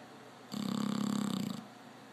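A single rumbling, fluttering snore lasting about a second, over light room noise; a dog snoring.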